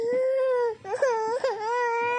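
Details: A young child crying, comforted about missing dad, in steady high-pitched wails with brief breaks between sobs in a small room; crying.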